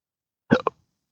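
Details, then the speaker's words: Single abrupt voiced hiccup with a short catch after it, in quiet, from a man with a rare chronic disabling hiccup and burp condition since December 2015 after surgery with nerve damage; hiccup. "specially when with the condition that I have uh makes you almost a hermit and uh uh just doing anything social is often ruined by these hiccups."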